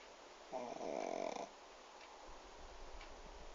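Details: Pug asleep sitting up in a lap with head on a table: a single loud, fluttering snore on the in-breath, then quieter breathing; rattling upper-airway snoring.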